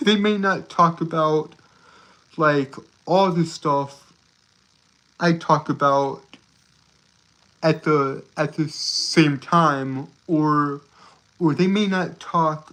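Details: Stuttering with word and phrase repetitions in a male streamer who reports a speech impediment that makes him stutter and trip over his words.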